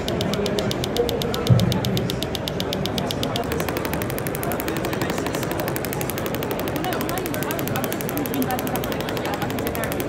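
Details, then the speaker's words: Radial shockwave handpiece (Storz MP100) firing rapid, rattling pulses continuously over the myotendinous junction during live treatment of mid-portion Achilles tendinopathy in a female weightlifter in her 20s, combined with prior focused shockwave (Duolith T-Top); extracorporeal shockwave therapy device in operation. "so i use combination treatment with both the radial as well as the focus shockwave to get optimal effects"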